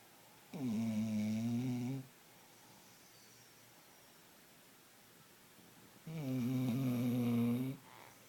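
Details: Female dog asleep, with two steady, buzzy, droning snores about 1.5 seconds each, described as sounding like an old man, quiet pauses between, small room: dog snoring.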